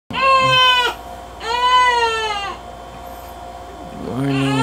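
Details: Newborn baby boy in his first week, at home: two high-pitched, tonal crying bursts of about a second each, with a third beginning; an ordinary newborn cry.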